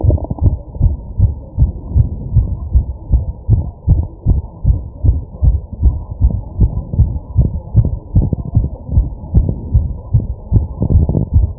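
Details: Rapid, regular, low thumps at roughly 150 a minute with muffled background noise, recorded while the person takes deep, heavy breaths; a fast heartbeat.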